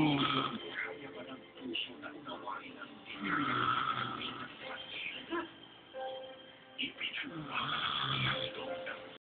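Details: Lola asleep and snoring loudly without realizing it: irregular snoring, about 17 a minute, partly masked by television-like talk and music in the room.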